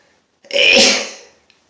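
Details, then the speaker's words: Adult man who has been sneezing non-stop all day: a single loud, breathy sneeze. "tonight when I'm done sneezing I can watch a couple of movies that would be fun this is very weird sneezing into the camera it's kind of bizarre"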